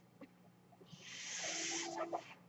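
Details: Mechanical ventilator of an adult user heard while she talks: over a steady low electrical hum, a single airy hiss swells and fades over about a second, delivering one breath.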